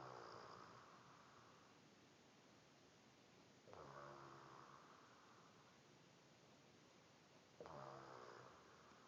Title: My mom snoring